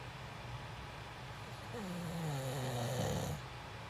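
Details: Person recorded actually sleeping during a sleep stream: one long, deep, buzzing snore with falling pitch on the in-breath over soft background hiss; loud snoring.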